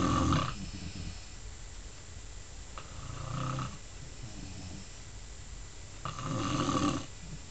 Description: my mom snoring hehehe!!!